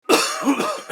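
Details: A single short, harsh, acted cough from an adult man with an abrupt explosive start; he attributes it to allergies, not Covid-19. Simulated cough.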